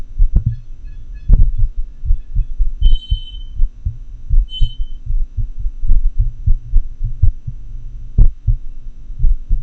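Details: Atrial fibrillation heart sounds recorded with a homemade funnel-microphone setup digitized through a computer sound card: low thumps at uneven, unpredictable intervals with varying loudness, an irregularly irregular rhythm.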